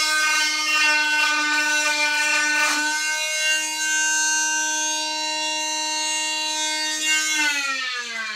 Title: cast removal